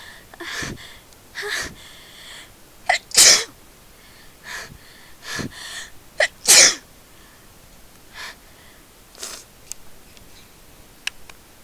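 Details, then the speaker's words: Person trying to talk while suppressing sneezes after being around a friend's cat, which sets off their sneezing: a series of sharp sneezes with breathy lead-ins and sniffs between them; repeated sneezing. "So I'm trying really hard not to sneeze, and not doing such a good job."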